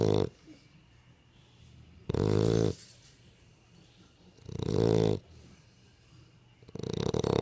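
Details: Sleeping dog that snores a lot: loud, rumbling snores about every two and a half seconds, roughly 25 a minute; snoring.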